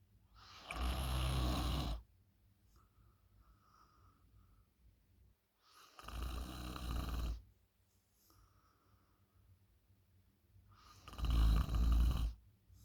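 Three loud rattling snores on the in-breath, about 14 breaths a minute, with quiet out-breaths between; loud snoring during sleep.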